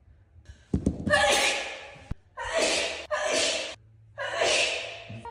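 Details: A person full-body sneezes in a gym: a sharp in-breath, then about four loud, forceful sneezes echoing in a large room.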